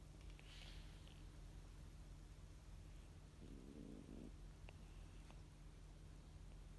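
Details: Steady, low, rumbling snoring from a cat sleeping in the afternoon, faint room noise behind.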